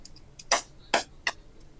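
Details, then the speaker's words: Softwave shockwave therapy applied with gel to the heel for foot pain: three sharp snapping clicks about a third of a second apart; shockwave therapy device pulses. "we can hear that we can hear it sort of clicking and sparking we see the Sparks too the Sparks happening so that's sending an electrical signal through the water"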